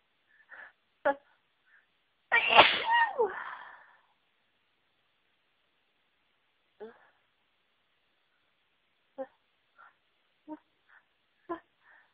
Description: There is a certain flower that always makes me feel really sneezy and I was around them today.... achoooo, achoooo, achoooo!!!!